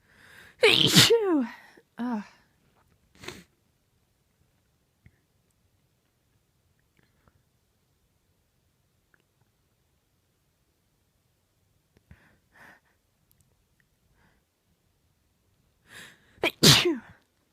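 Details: Powerful uncovered sneezes from a female: loud explosive sneezes each preceded by a sharp intake, a small sneeze after the first, then quiet before another burst.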